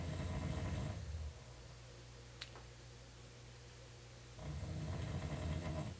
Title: Listening to Snoring while in Kenora March 2010